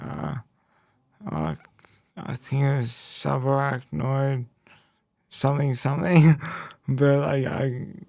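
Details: Post-stroke speech impairment with word-finding difficulty in a young man after a left-hemisphere haemorrhagic stroke at age 12, followed by a five-week coma, with right-sided body weakness; speech was the most affected area and had to be relearned.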